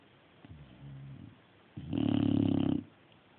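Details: Sleeping dog snoring: a soft breath followed by one loud, fluttering, growl-like snore lasting about a second.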